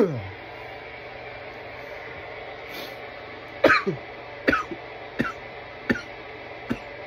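A short run of about five dry, harsh coughs over steady room noise, an irritant cough fit after inhaling smoke.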